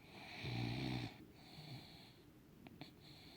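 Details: Puggle (small dog) snoring: low rattling sound on each breath in, with soft whistling noises, in a quiet room.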